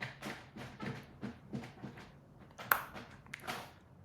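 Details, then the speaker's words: Adult professional speaker with Tourette's syndrome and ADHD re-enacts a past vocal tic while speaking: about six quick rhythmic voiced bursts, then sharp clicks and a breath. He describes it as painful and debilitating. "that's a really hard tick. Okay, that was debilitating. It hurt me. It stopped me in the middle of speaking."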